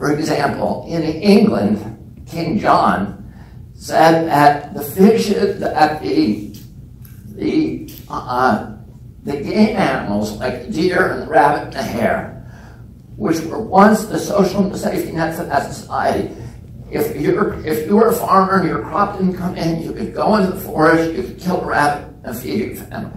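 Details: Spasmodic dysphonia in an adult man, self-reported as spasmodic dystonia with onset at age 42 causing voice tremble; he says it lessens or goes away after speaking a while.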